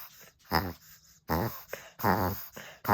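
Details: A Pekingese, a flat-faced (brachycephalic) breed, makes repeated loud, honking snorts in quick succession during a continuous, intense episode that worries the owner: reverse sneezing.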